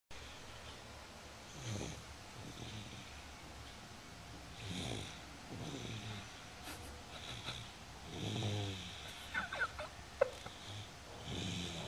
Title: Snoring Mufi